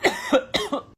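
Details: Two quick voiced double coughs, like 'uh-hu, uh-hu', from an adult acting out a cough for comedy; an imitation, not a real cough.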